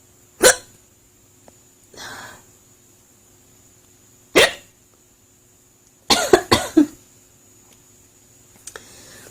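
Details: Adult woman with loud hiccups at 2 a.m. after eating; she is unsure whether food caused them. Abrupt gulping hiccups, about six in nine seconds, some in quick pairs, with quiet breathing between.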